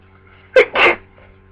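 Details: Sneezing on day two of flu: single sneeze, a short catch of breath then an explosive burst, against a steady background hum.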